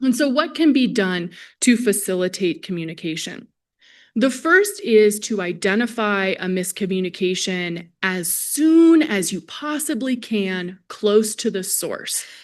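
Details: Adult female presenter; Normal speech.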